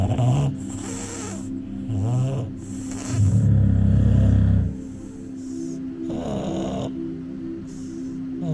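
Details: Bulldog falling asleep: loud, deep, rattling breaths with snorty rumbles over a steady background hum; heavy snoring.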